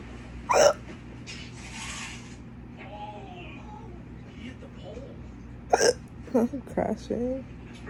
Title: weird hiccup burps while watching tv